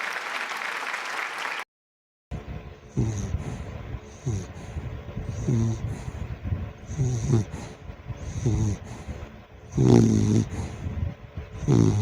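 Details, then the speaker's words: Sleeping young dog snoring loudly and rhythmically at about 34 breaths a minute with soft fluttering on each breath; ordinary sleep snoring. "so Ayun nga napakinggan niyo na naman kung paano humilik yung aso ko akala mo pagod na pagod"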